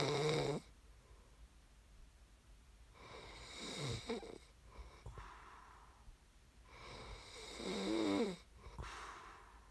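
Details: ASMR snoring recording made for listening to fall asleep: loud rattling snores on each in-breath, about three breath cycles in ten seconds, with quieter out-breaths between; ordinary sleep snoring.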